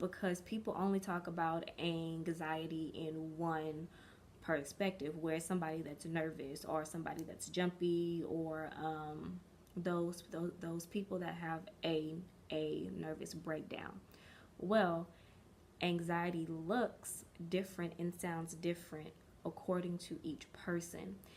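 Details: Stuttering in an adult woman since early childhood, which she describes as developmental stuttering and is still working past; stuttering.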